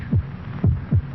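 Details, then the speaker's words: Regular low thumping heartbeats at 72 beats a minute with a faint background hum; a normal human heart rhythm from a 1948 television commercial. "This is the sound of a human heart. It will beat 72 times in this minute."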